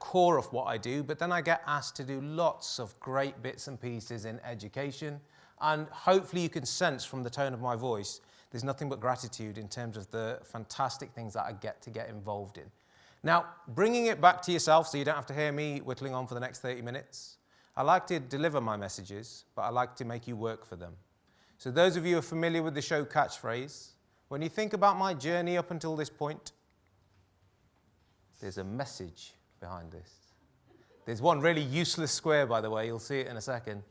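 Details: Adult male speaker; normal speech.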